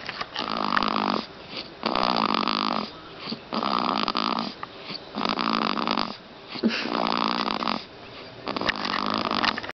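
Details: Steady, rough, rattling snores repeating about 36 times a minute; ongoing snoring.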